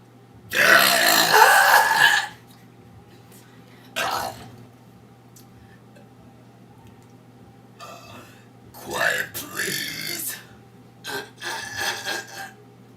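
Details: Repeated burping from a girl: a long, loud rasping belch, then a short one, then a run of rough belches in a quiet room.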